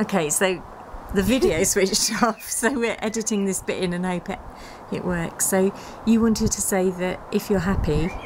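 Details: Adult woman speaking; typical speech.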